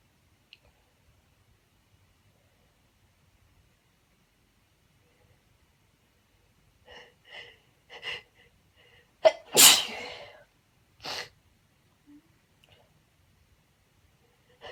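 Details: Uncovered, unedited sneezes from a female: quiet room, a few short inward breaths building up, then one loud explosive sneeze and a smaller second one.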